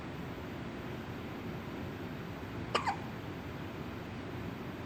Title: with hiccups